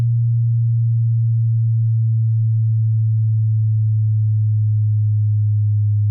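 A steady, pure low-pitched tone held throughout, used as a hearing test tone.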